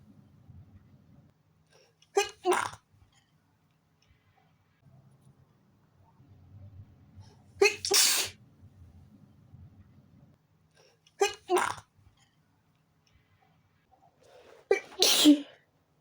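Four sharp sneezes, each with a quick indrawn breath, in close succession: a sneezing fit from a tickling nose.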